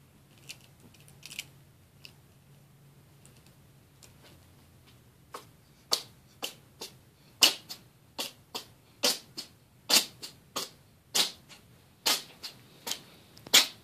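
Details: An orange tabby cat sneezes repeatedly in a rapid run of short, sharp, hissing bursts and cannot stop.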